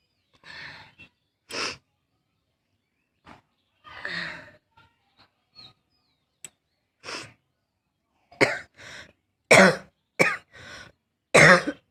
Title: Barky Cough (f)